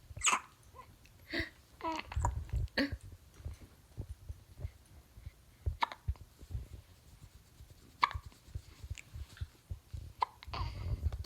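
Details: Three-week-old dog, Penelope, sneezing dramatically: a series of short, sharp snorting bursts in a small room.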